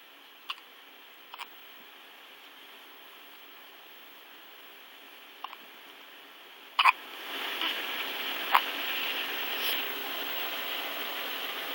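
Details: Twin sisters hiccuping: brief sharp hiccup-like clicks at irregular intervals, some in quick pairs, then a louder burst over rising room noise.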